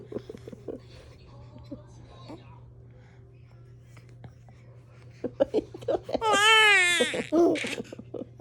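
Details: Short fussing sounds build into a loud, sustained wailing infant cry, with a steady low hum in the room; baby crying.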